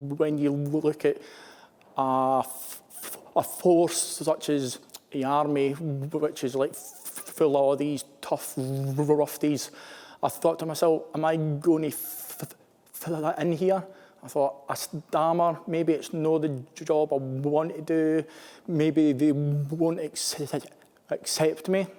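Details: Adult male army captain who stammers, speaking in an interview; stammering.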